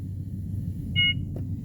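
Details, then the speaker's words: Single short electronic beep over a steady low machine hum as a Respironics BiPAP ST noninvasive ventilator with heated humidifier is switched into standby by pressing and holding a button. "You just press and hold the button and it's back into standby, okay?"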